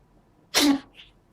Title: sneezing cat